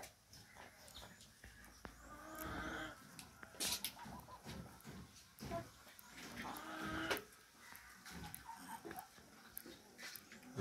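Among flock noise, a chicken makes irregular rattling, snore-like breathing sounds: respiratory rales from coryza, a poultry cold.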